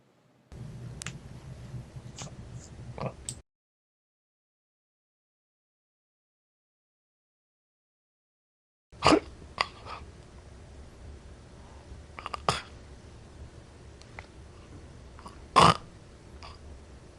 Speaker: basically notice how this gasping noise right is associated with this agonal breathing and is not associated with real breathing but this like fake breathing